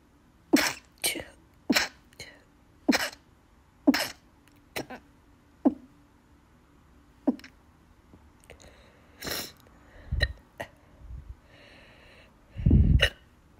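Repeated sharp, abrupt hiccups at irregular intervals, about ten in thirteen seconds, with a couple of sneeze-like bursts near the end.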